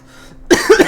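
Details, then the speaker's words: Person with a persistent cough for about a month after a cold, being treated by a doctor with medicine, coughing during gameplay commentary; persistent cough. "I know I'm going to be coughing a lot during the cut scene, so whatever."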